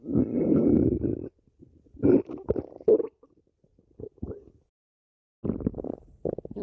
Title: Sticks the badger stomach growling 12